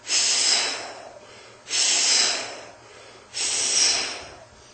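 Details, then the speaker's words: Vocal imitation of mixed aortic valve disease, combined stenosis and regurgitation: three hissing whooshes fading gradually rather than ending sharply as in pure stenosis. "you might get a mixed a off disease where you get a combination of osis and a regurgitation with pure osis you get very sharp finish so you got with mixed a disease you will"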